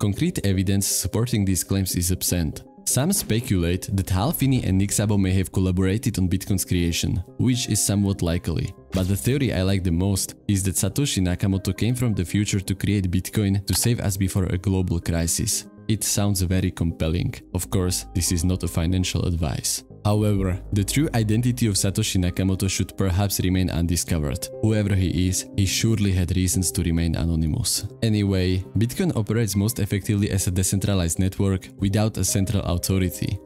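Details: Adult male narrator; normal speech.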